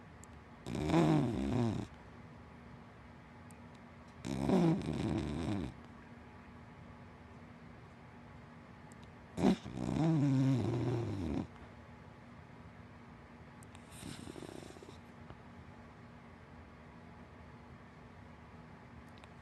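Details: Four long rattling snores, each about a second long, roughly every four to five seconds, from a sleeping big black dachshund–black Labrador mix dog over steady room hum; dog snoring.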